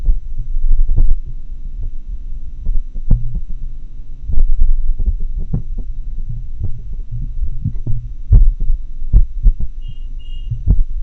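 Muffled heart sounds beating at uneven, unpredictable intervals, the irregularly irregular rhythm of atrial fibrillation.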